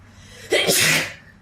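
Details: A single sharp, explosive sneeze after a short intake of breath, during a sneezing episode needing tissues.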